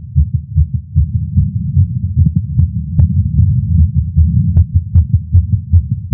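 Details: Adult male's heartbeat via Stemoscope while smoking a cigar after not smoking for a while, feeling lightheaded: rapid, fairly regular low heartbeats, about 150 a minute, over a steady low hum; tachycardia after nicotine.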